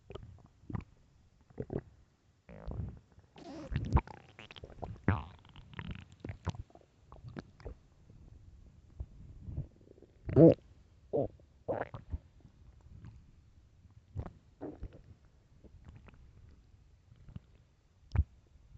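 Irregular low gurgles, squeaks and rumbles from the belly over quiet; loud stomach growling of hunger, a normal bowel sound.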